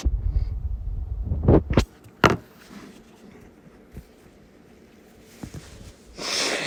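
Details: Two short, muffled, stuffy, congested-sounding sneezes over low rumbling background noise; an old recording, and the person was possibly sick at the time.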